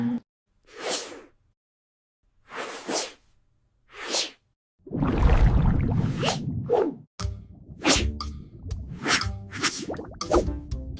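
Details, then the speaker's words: Children's science cartoon: three short sharp sneeze-like bursts, then a louder noisy stretch with rapid clipped sounds; animated sneezing sequence, not a real patient. "Most people sneeze in bursts of 2 or 3."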